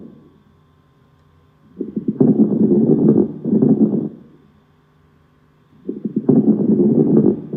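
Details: Lung crackles: breath sounds with brief popping clicks early in each inspiration.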